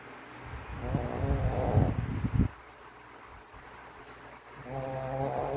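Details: Max, a sleeping pug: loud, rattling, buzzy snores, one long breath in, a quiet pause, then the next snore starting. Snoring.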